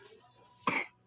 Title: #cough #son #Motherandson